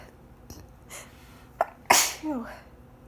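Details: Sneezes muffled into a hankie held tight over the face, late at night, pollen high: a few soft, muffled sneezes with one sharp burst, then a brief vocal sound; repeated sneezing.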